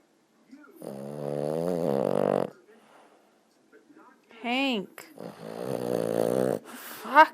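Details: Dog snoring loudly in sleep: long, drawn-out rasping breaths with a whining, squeaky edge and a brief whine between.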